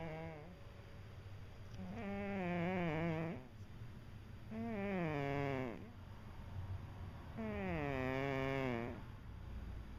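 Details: Sleeping cat: three long, voiced, wavering snores over ten seconds, each about a second and a half, with quiet between them; snoring.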